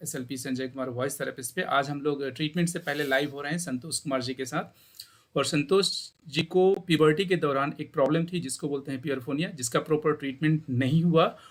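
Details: Adult speaker; normal voice.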